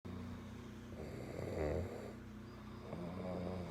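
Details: Low, rough, rumbling breathing noise with a louder swell midway during sleep, recorded February 2018; snoring.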